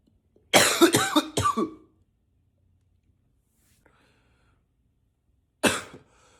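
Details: Acted, deliberate coughing, partly forced in a deeper voice: a quick run of three harsh coughs, then a single cough after a pause.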